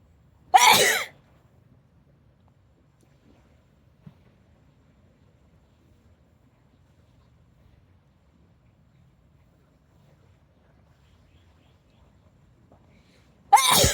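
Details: Two loud, explosive sneezes about thirteen seconds apart, with near silence between; ordinary tickle sneezing.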